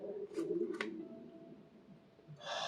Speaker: hungry wow if y'all heard that you had to hear that that was my stomach I'm a little hungry but sheesh that was nuts I never had that happened before